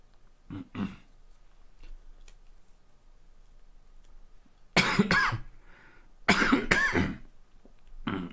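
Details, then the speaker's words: Adult who just got sick coughs in several loud bursts, a repeated cough during a live watch-party commentary. "sorry guys I know it's not appealing to hear the constant cough but I unfortunately just got sick at the very very wrong time"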